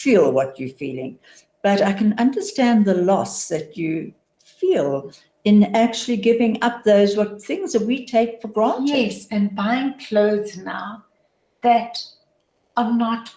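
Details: Adult woman; typical speech.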